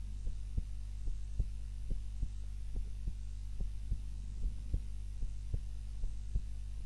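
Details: Heartbeat during an afternoon nap, self-recorded on a timer while lying on the back (usually prone): soft regular thumps at about 72 beats a minute over a steady low hum; ordinary resting heartbeat.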